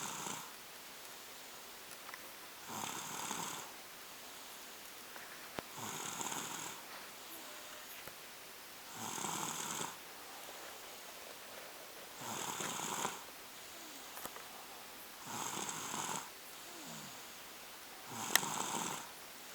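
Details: Two-year-old exhausted and asleep on the couch: regular raspy, airy snores, about 18 a minute, each a short noisy breath with quiet pauses between; snoring.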